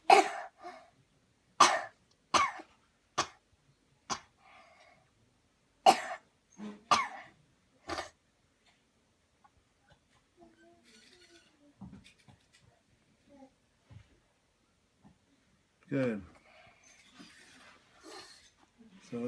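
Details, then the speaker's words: Child performs voluntary coughs on instruction after repeated deep breaths, demonstrating a cleansing coughing technique: series of short, sharp coughs, then quiet breathing and faint sounds. "Okay, here we go. Breathe in deep, deep, deep, cough."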